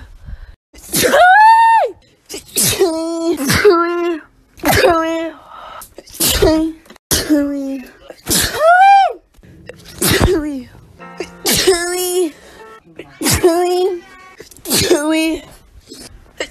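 About ten loud, voiced sneezes, each with a sharp onset and a drawn-out ringing 'achoo' tone, coming in quick succession.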